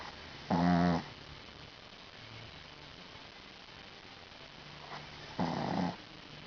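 Two loud, rumbling snores about five seconds apart against quiet room noise; ordinary snoring in a sleeping small dog.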